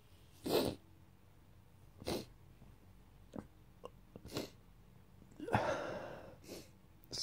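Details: Daily morning sneezing attacks in February, which the person blames on dust and mold in the house: a run of sharp sneezes with sniffs between, ending in a longer, louder sneeze.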